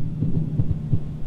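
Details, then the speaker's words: Supraventricular tachycardia in a simulated virtual reality patient, heard by stethoscope over the heart: rapid, regular, low thumps at about 170 beats a minute, with adenosine to be given. "i'm going to listen to your heart holy guacamole you are running"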